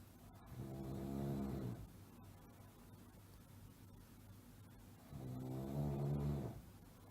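Two low, rattling snores on the in-breath with quiet pauses between them, typical snoring.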